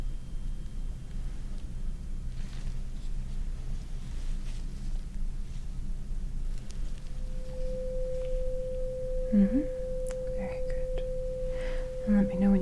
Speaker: let me know when you stop hearing it very good oh sorry strike it again now we're going to go on the other side let me know when you stop hearing it